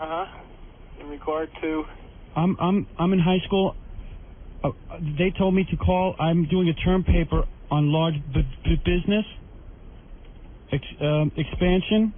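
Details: Man imitating a stutter during a prank call, posing as a high school student; acted, not real; stuttering (imitated).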